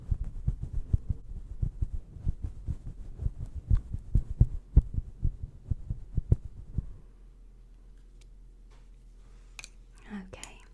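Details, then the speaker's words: Steady, quick, regular low-thumping heartbeat heard during a simulated ASMR sleep-clinic vitals check with a manual heart-rate check, fading into room hum and soft rustling; normal heartbeat. "I'm going to manually double check the heart rate. I'm just going to grab your heart rate really quick."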